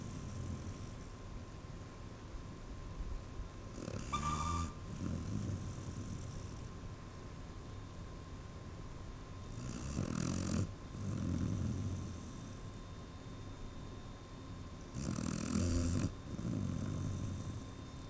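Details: Snoring: three loud, low, rattling snores about six seconds apart, roughly 10 breaths a minute, with quieter breathing between and a steady background hum.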